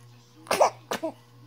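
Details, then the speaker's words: Two sharp explosive bursts with a quick intake between, a double sneeze over a steady low room hum, followed by "bless you"; sneezing. "Bless you. Bless you. There's a big sneeze."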